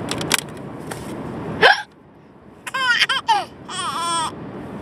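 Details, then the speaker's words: Mother's hiccups in a moving car: several sharp, abrupt hiccup clicks over road noise, followed by her infant's bright giggling laughter. "You think mommy's hiccups are funny? Is it funny?"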